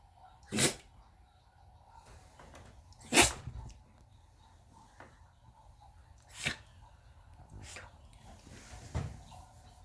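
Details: 17-year-old Lhasa Apso/Maltese dog sneezing constantly due to dental disease, prone to dental issues: several short, sharp sneezes, four or five in ten seconds, with snuffling between them in a quiet room.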